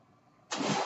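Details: Own mechanical ventilator of a podcaster born in the mid-1980s, heard while they talk: after a brief quiet moment, a sudden steady rushing hiss of air begins as the ventilator delivers a breath.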